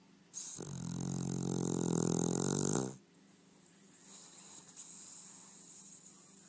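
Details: A sleeping dog snoring: a single long, loud, rattling snore on an in-breath, then quiet breathing with faint room noise.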